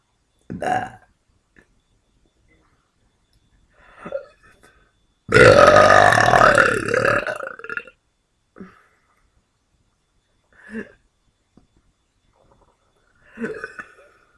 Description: I had to keep the burps on the "quiet" side this time cause I dont want to disturb my neighbours :s